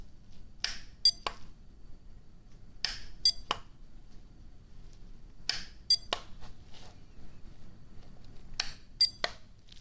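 Short high beeps in small groups, with soft clicks and rustling between them: tones used in a role-play hearing test for the left or right ear.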